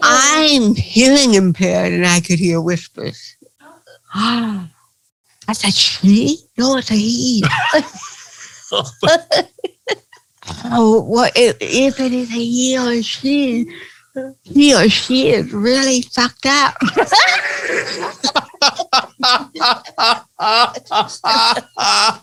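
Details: Dysarthria in an adult woman with cerebral palsy.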